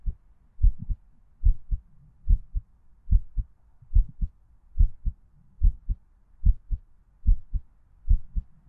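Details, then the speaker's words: Simulated heartbeat in a roleplay sleep-aid recording: steady, regular paired heart thumps at about 72 beats a minute with no extra sounds, a normal heartbeat. "I assume you can hear it. Yes, my heartbeat is much like yours, cutie."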